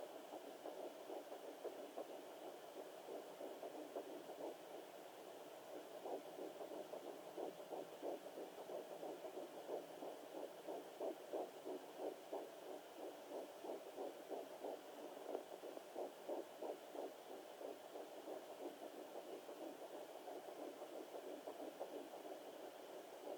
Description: Baby heatbeat on a fetal doppler at 9 weeks & 1 day